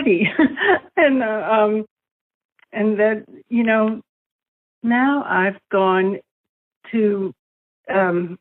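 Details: Aphasia in an adult female, a former dancer, caused by brain damage from a stroke four years earlier that also paralysed her right side, with word-finding problems.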